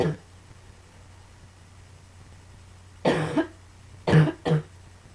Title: Some more coughing